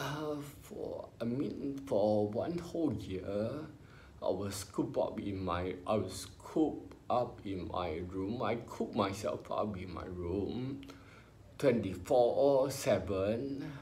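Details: Ataxic dysarthria in an adult man with spinocerebellar ataxia, diagnosed about 20 years earlier; he mentions speech therapy.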